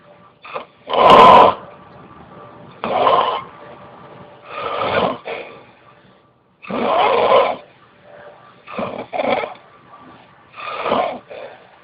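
Irregular rattling, snorting breath noises about every two seconds, some loud and rough: snoring.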